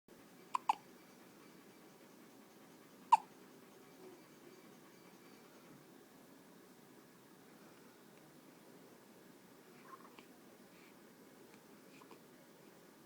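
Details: An infant with hiccups: brief, sharp, clicking catches at irregular intervals in a quiet room.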